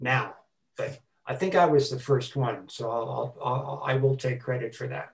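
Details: Adult man who stutters: stuttering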